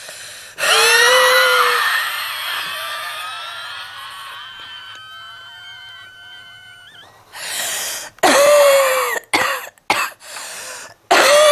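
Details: Long, strained, whistling breath fading into high wheezy tones, then about six harsh, heavy, productive-sounding coughs from a person smoking while lying down; cough with wheezing.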